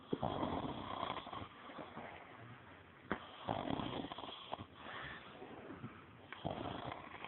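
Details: Soft, rattling snores on each breath, about 19 a minute, in a quiet room, from a person wearing face paint; ordinary snoring without a clear wheeze.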